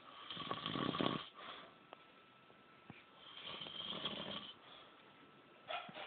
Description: This is some old man snoring. HE IS A VERY LOUD SNORER!